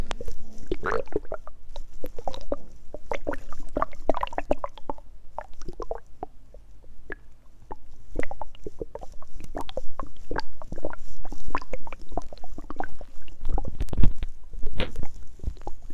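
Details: Hungry stomach growling: irregular gurgling, bubbling and rumbling sounds from the gut, mixed with water noise; borborygmi.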